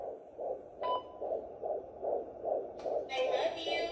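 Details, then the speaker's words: Regular soft whooshing beats at roughly 150 per minute with brief background noise: a recording of an unborn baby brother's fetal heartbeat. "is that baby brother's heartbeat yeah you got a heartbeat that's your baby brother's heartbeat"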